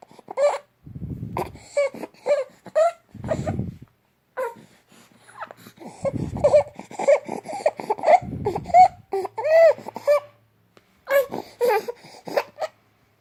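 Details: Infant aged 2 months, noisy breathing since birth, crying with harsh, noisy breaths drawn in between cries: stridor from a narrowed upper airway.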